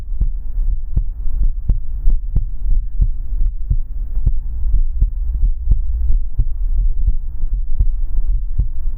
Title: Come into my arms and listen to the sound of my heartbeat